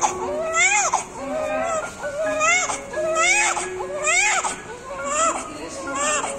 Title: Beautiful newborn baby with big cord immediately after birth with first Cry is so Precious 💕